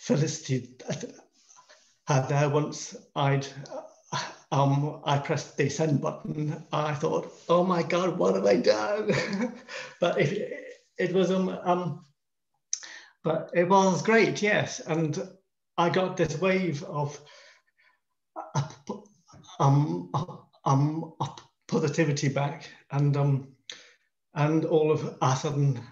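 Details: Stammering in an adult man in his 50s with lifelong stammer.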